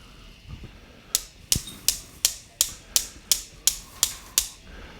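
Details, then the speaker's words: Bilateral femoral derotational osteotomy surgery: nine sharp, rhythmic metallic mallet taps driving an intramedullary nail with a distal bend over the guide wire, down the femoral canal to just past the osteotomy site. "And we're going to tap this down to the point where we're just past our osteotomy site."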